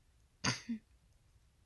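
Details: Adult with Tourette syndrome during a bad nighttime tic episode: sudden throat-clearing and cough-like bursts with a short grunt, then a brief voiced noise; involuntary vocal tics.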